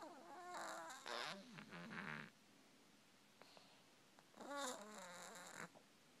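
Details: Cat sleeping on her back: soft squeaky, whistling snores in two bursts; ordinary snoring.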